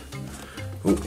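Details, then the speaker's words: Audible stomach rumbling (borborygmi) in a person talking while painting a model, who says it means they are ready for more food. "hear my tummy rumbling that means it's ready for more food"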